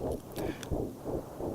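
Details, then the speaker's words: Fetal heartbeat heard in the womb: fast, regular whooshing pulses at about 170 beats per minute, a normal rapid fetal heart rate. "That's the sound of a child's heart beating in the womb. And science can measure that sound as early as 16 days after conception."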